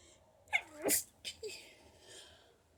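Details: Allergy sneezing: a sharp inhaled catch, then a forceful explosive sneeze and a short sniff.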